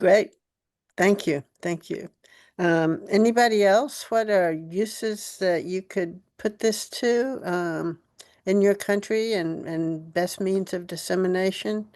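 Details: Adult woman speaking; Normal voice.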